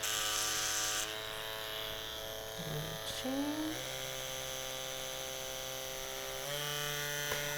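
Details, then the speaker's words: Microneedling (derma) pen being tested before use on a patient, sterile needle fitted: a steady high electric motor whine that shifts pitch as the speed setting changes. "tem diferentes velocidades como vocês podem ver né para desligar ela tem que ficar para ligar a gente tem que ficar segurando aqui o botãozinho tiramos a tampinha ela tá funcionando corretamente"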